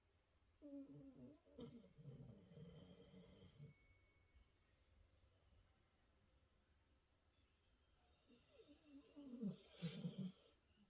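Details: Pet dog asleep beside its owner, snoring with low, rattling snores in two long bursts separated by a quiet pause: snoring.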